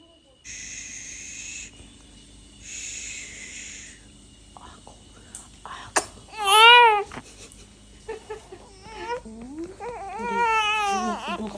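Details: Infant cry from a one-month-old twin baby, who also shows reflex smiling: brief, high-pitched, wavering cries and fussing vocalizations amid quiet room noise; an ordinary newborn cry.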